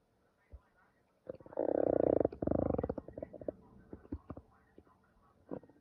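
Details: Normal stomach growling (borborygmi): a long gurgling rumble with bubbling pops and creaks, then scattered clicks.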